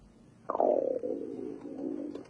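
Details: A single drawn-out gurgling belly growl dropping in pitch over about two seconds, from a young actress in a TV drama scene (episode 7 of Koe Koi); hunger rumble, stomach growling (borborygmi).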